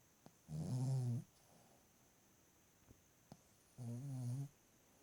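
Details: Two buzzing, vibrating snores on breaths in, with quiet pauses between, from a sleeping 2-year-old female ruby Cavalier King Charles Spaniel; ordinary sleep snoring.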